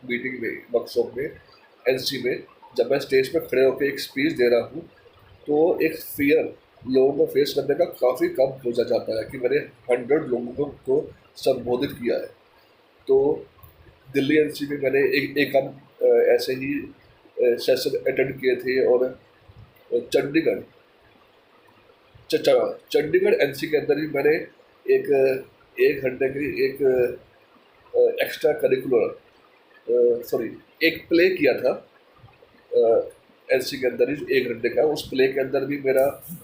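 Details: Stammering in a person who stammers, speaking mixed Hindi and English; finding: stammering.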